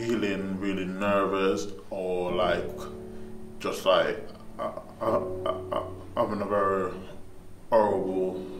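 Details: Young man who stammers, after an intensive stammering management course; stuttering (stammering).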